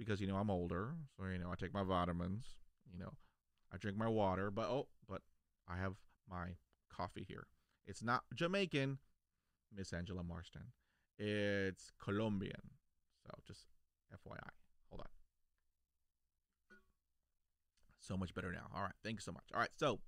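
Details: Adult male who has stuttered since age five, onset after a dog attack, and still stutters despite years of speech therapy; stuttering.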